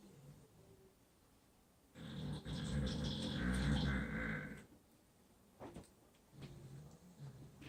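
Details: Sleeping pit bull dog: one long, rough, rumbling snore, with quieter breathing noises after it; snoring.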